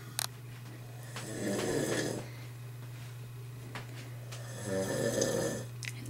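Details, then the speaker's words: A father and a baby asleep together after falling asleep watching TV, with the TV turned down: two rhythmic snores, each a rough, rattling inhaled noise, over a steady low room hum; snoring. "let me turn the TV down so we can hear the snoring get the full effect"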